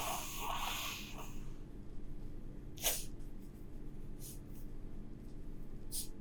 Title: Mikemame's sneezing (Sample, High Quality)